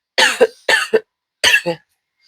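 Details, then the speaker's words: Three loud, harsh coughs from an adult who has felt unwell since Friday and worsened, each a sharp burst followed by a shorter second burst, in a quiet room; cough. "excuse me. I am not feeling well."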